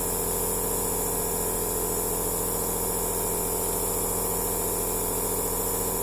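Steady mechanical hum and hiss of a nebulizer compressor running continuously.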